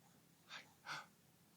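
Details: Post-meal hiccups in a baby boy: two brief, sharp breathy catches close together in a quiet room.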